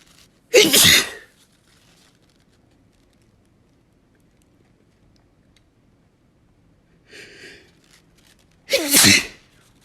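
Two forceful, explosive sneezes with a quieter inhaled build-up before the second; repeated sneezing fit.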